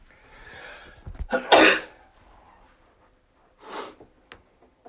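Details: A quick indrawn breath, then one loud explosive sneeze, followed by a forceful honking nose blow.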